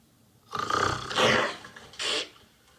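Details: Grandmother snoring in a scene from the film Le Petit Nicolas, likened to a tractor and keeping a child awake: two loud, rough, rattling snores with a pause between; film scene.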